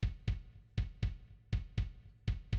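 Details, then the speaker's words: Sampled fetal heartbeat sound effect, soft, regular, light and fast paired thumps (heard about 80 cycles a minute); used in a music-composition demo, not a real recording. "It is a heartbeat. Yeah. A very very light one. It's a light and fast heartbeat."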